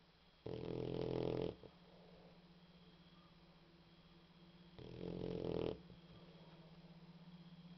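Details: Female boxer dog snoring during sleep: two long, rough, rattling snores about four seconds apart, moderate in loudness, over a steady low background hum.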